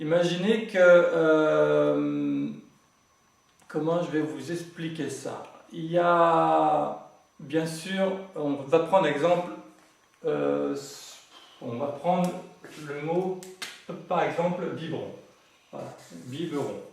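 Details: Adult man, French-speaking, who has grown up with stuttering over several decades and says he now manages to speak through it; finding: stuttering.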